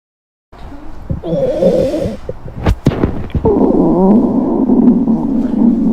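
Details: Woman's loud, long stomach gurgling and rumbling with a few sharp pops during sudden abdominal pain: prominent borborygmi.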